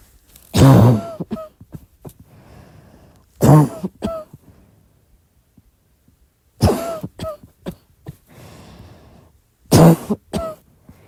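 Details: Four bouts of dry, hacking coughs from a girl who is sick, each a sharp burst with one or two smaller follow-up coughs; dry cough.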